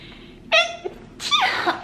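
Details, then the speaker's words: Double sneeze indoors after a held-back urge to sneeze: two quick, sharp voiced sneezes in a row in a quiet room. "oh i thought that was going to be a moment when i knew i had to sneeze but it would not come and that is the worst feeling so i'm very happy i just got that sneeze out"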